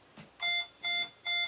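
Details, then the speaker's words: Medical monitor alarm beeping while a child with a tracheostomy sounds like he needs suctioning: three regular electronic beeps, about 0.2 seconds each, repeating roughly every 0.4 seconds in a quiet room. "hear that thing beeping? Let your mama suction you."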